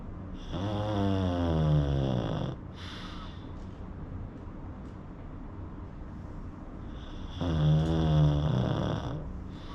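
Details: Pug dog asleep: loud, rattling, low snores with a whistling edge, two long breaths about five seconds apart; snoring.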